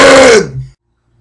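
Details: Person deliberately burping out names: a single loud, voiced belch with a falling tone, lasting under a second and fading into silence; deliberate burp.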